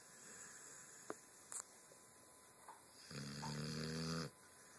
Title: Z Snoring